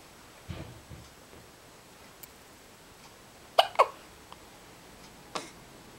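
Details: Person hiccuping: several soft, abrupt hiccups at irregular intervals in a quiet room.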